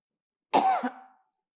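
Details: The PDIP chair, during an impassioned shouted speech at the party's 51st anniversary, with her voice gone hoarse: a single harsh, voiced cough burst.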